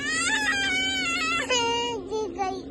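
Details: Baby crying for milk: a high-pitched, wavering infant hunger cry with a steady hum underneath.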